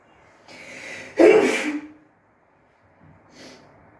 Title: bathroom sneezing fit (f)